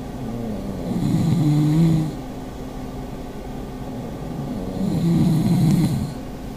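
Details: Pug in a snoring contest between two pugs: two loud, low, rumbling snores on the in-breath over a steady background hum; ordinary dog snoring.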